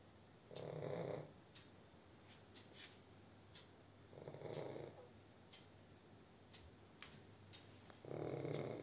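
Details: Pug (dog) asleep: deep, rumbling snores about every 3.5 seconds with faint snuffling between them; snoring.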